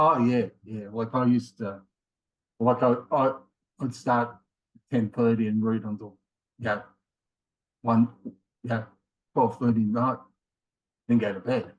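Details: Man in his late 50s with mild aphasia after a left-sided ischemic stroke in January 2020; his word-finding difficulty worsens with fatigue; he also had two earlier heart attacks and has rheumatoid arthritis; aphasia.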